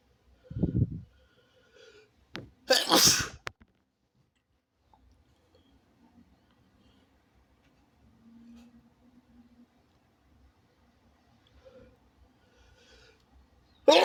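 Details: Person sneezing into their elbow: a quick in-breath followed by one loud, forceful sneeze, then quiet with faint room sounds.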